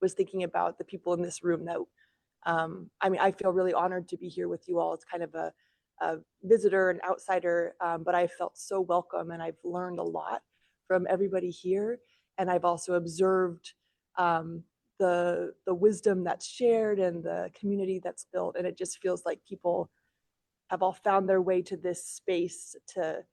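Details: Adult speaker; no speech disorder.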